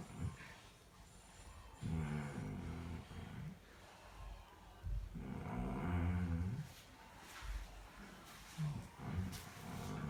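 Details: Irregular, deep, rumbling snores every few seconds during sleep, with some background noise; snoring.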